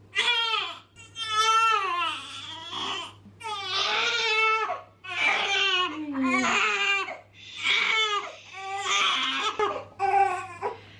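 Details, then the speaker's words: Two-week-old newborn girl, fussy: repeated loud wailing cries rising and falling with brief gasps between bursts; ordinary infant crying. "But it's currently 7:15 and still hasn't slept. She has been awake since 3:30"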